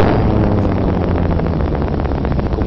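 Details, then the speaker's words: EMG recording of myotonia, in the context of myotonic dystrophy: dense, rapid crackling discharge that waxes and wanes in intensity and frequency, like a diving warplane (dive-bomber sound). "Acá hay un trazado de electromiografía para que escuchen el sonido de la miotonía."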